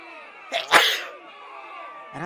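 A single loud, explosive sneeze with a sharp intake before it, over a tonal musical background.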